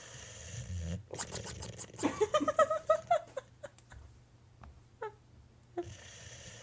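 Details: Boxer dog asleep with a hilarious snore that usually comes right before he starts to bark, owner suspects bark air escaping; snoring.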